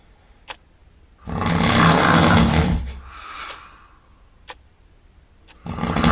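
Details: A dog sleeping outdoors, covered in grass, snores loudly: rough, rattling snores with a softer snore on the out-breath and faint clicks in between.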